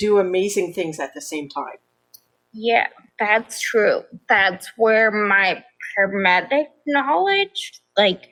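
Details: Adult woman with progressive ataxia of still-undiagnosed type, onset at age 26, affecting nerves, balance and speech, with nerve pain; mainly a wheelchair user: ataxic dysarthria.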